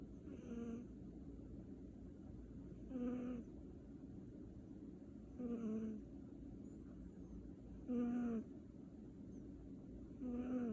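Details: Cat (tagged kitten) that often snores: soft, regular snoring at about 24 breaths a minute, each breath with a whistling nasal rasp, over low room noise.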